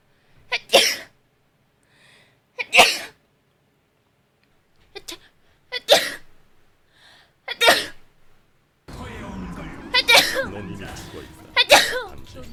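A series of about six sharp, explosive sneezes with short pauses between them; ordinary sneezing.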